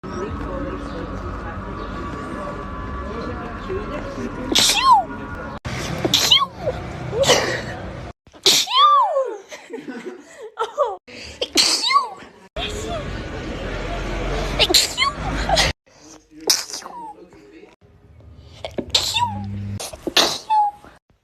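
A run of sharp, explosive sneezes, each with a brief voiced tail, in a quiet room.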